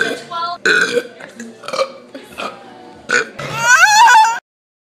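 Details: Deliberate burping recorded in 2013: a series of loud burps mixed with speech, ending in a long drawn-out belch.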